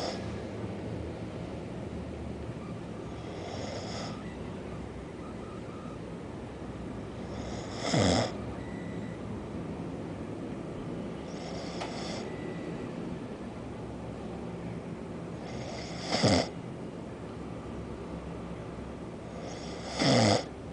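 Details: Person who denies snoring, recorded asleep: loud snores roughly every four seconds over steady room hum, about 15 breaths a minute.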